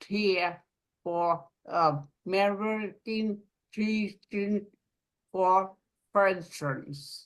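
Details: Aphasia in an adult woman following a stroke; aphasia.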